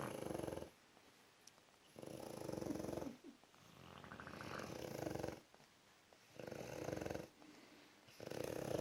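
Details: Two sleeping bulldogs snoring: loud rattling snores alternating with quiet pauses, about four breaths in nine seconds; noisy snoring.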